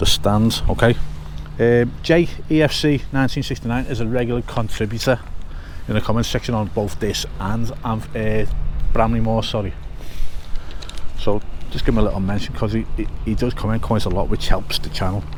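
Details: Man with a stutter since childhood, quite bad at school, which he thinks is confidence-related; he says he sometimes repeats himself; stuttering.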